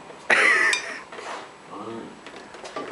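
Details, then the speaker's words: A man sneezes once over breakfast: a single loud, explosive burst in a small room, with faint talk and clattering dishes; sneeze. "Oh, shit! Nobody else can answer. I've just sneezed all over the balls."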